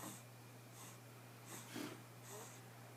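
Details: Baby girl snoring in her sleep: soft, quick, snorting breaths with a faint whistle on one breath, over a low room hum; light snoring.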